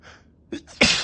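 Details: Sneeze on a rough allergy day: a quick in-breath followed by one loud, explosive sneeze burst, a single allergic sneeze.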